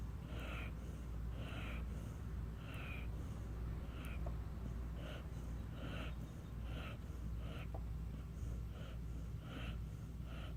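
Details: Someone wakes themself up by their own snoring: rhythmic snorting breaths, about 48 a minute, over a steady low hum; snoring.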